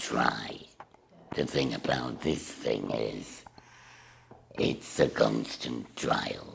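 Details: Woman with a total laryngectomy speaking through a voice device/valve; alaryngeal (tracheoesophageal) speech after total laryngectomy.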